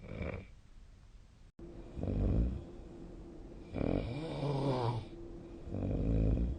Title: 🐽 本日のイビキ / Snoring Sleep Sound 2025/02/09